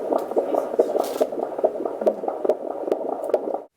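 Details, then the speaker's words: Fetal heartbeat of a baby boy, recorded by Doppler at a prenatal visit before 32 weeks of pregnancy, rate 144 a minute: fast, regular whooshing galloping beats. "Now I'm just going to insert the baby's heartbeat from my last visit. So that is 144."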